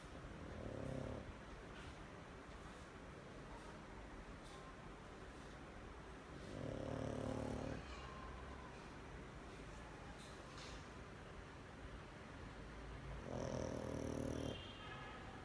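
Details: Soft, low rumbling snores recurring every few seconds over a steady background hiss; a dog snoring in sleep.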